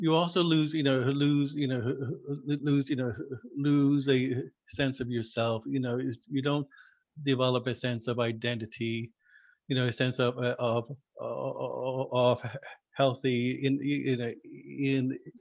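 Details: Adult man who stutters, formerly a covert stutterer, with repetitions and interjections; stuttering.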